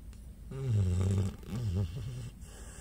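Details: Pit bull dog asleep, possibly dreaming: two loud, low, rumbling snores in a row, each drawn out over about a second; deep-sleep snoring.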